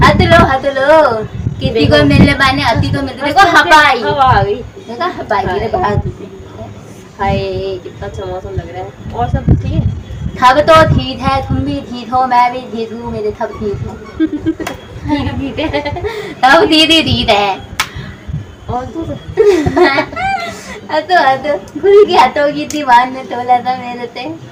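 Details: Male host deliberately faking a lisp as a prank on a friend, not a real disorder: lisp (feigned).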